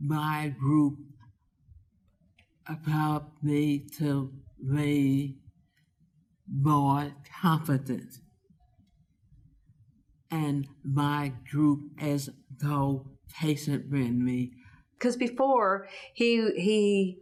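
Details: Adult speaker; aphasia.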